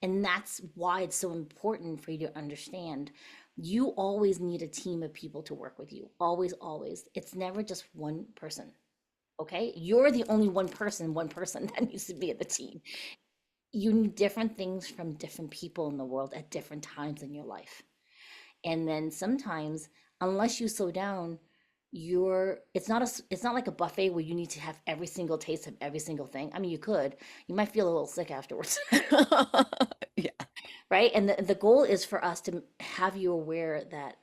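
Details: Adult woman; typical voice.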